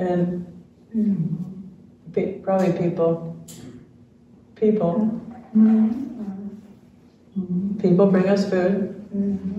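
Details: Adult man diagnosed with ALS in late 2021, with neurologic jaw clonus causing jaw trembling; his wife translates his speech; real patient; dysarthria (ALS).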